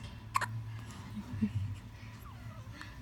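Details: Newborn girl, 12 days old: a short, sharp hiccup then a softer one against quiet room noise; hiccups.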